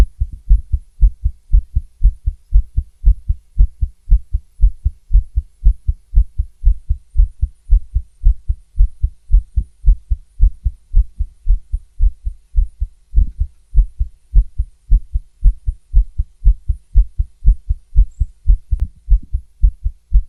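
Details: Stethoscope recording of a female's fast heartbeat near 115 beats a minute, with occasional skipped or uneven beats breaking the rhythm.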